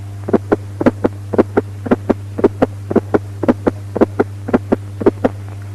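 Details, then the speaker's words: Atrial (S4) gallop: a soft fourth heart sound just before each first heart sound, with a rapid heart rate. "Atrial gallop or S4 gallop due to a fourth heart sound with a rapid heart"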